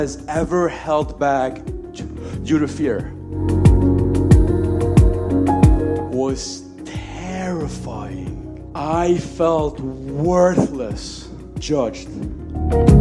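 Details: Adult male comedian with a lifelong stutter that he describes as severe, speaking over background music; stuttering.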